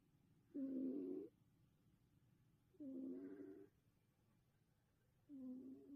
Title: 코곪(cat snoring)